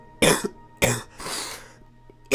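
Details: An adult man coughs: two sharp coughs, then a longer breathy exhale, with a faint steady hum in the background.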